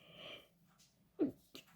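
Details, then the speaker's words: A single sneeze in the middle of speech, followed by an apology. "Oh, pardon, j'éternué."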